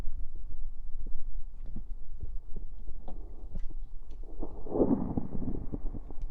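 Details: A low rumbling burp rises over faint fizzing and soft low thumps: an ordinary belch with stomach fizzing after drinking soda, recorded with a sensitive 3Dio stereo microphone.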